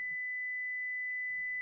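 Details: Simulated tinnitus: a steady, high-pitched pure tone imitating the ringing heard in tinnitus, which may be ringing, buzzing, whistling or humming, temporary or permanent, and is often linked to hearing loss.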